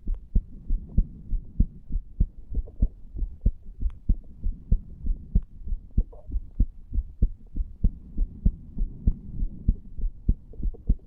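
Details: 34-year-old man lying on a bed after smoking a cigar (nicotine) and cannabis as an experiment; heart recorded over the tricuspid area: regular low heartbeat thumps at about 97 beats a minute; heart sounds.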